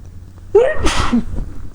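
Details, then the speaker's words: Induced sneeze using a basil or similar plant, with runny nose and watering eyes: a brief rising inhaled catch, then one explosive, noisy sneeze burst over low room hum. "sorry just now I'm using a pil plant and God it's making me sneeze a lot oh my eyes are watering"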